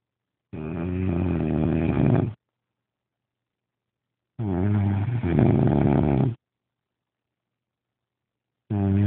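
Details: Man snoring after too much smoking and drinking: loud, rumbling snores about two seconds each with silent pauses, roughly 14 breaths a minute; ordinary heavy snoring.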